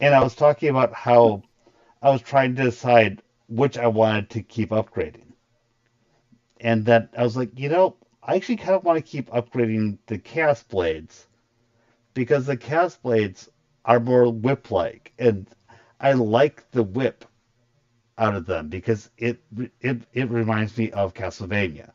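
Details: Stuttering in an adult man who describes a very large stutter he controls to a degree after a lot of voice therapy, though he still stutters.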